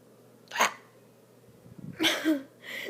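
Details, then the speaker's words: Real, unfaked hiccups described as unusual in a person filming herself: two or three sudden short gulping sounds about a second apart in a quiet room. "so right now I have the hiccup and I just I just want to let you know that these are my real Hiccup and they're not fake"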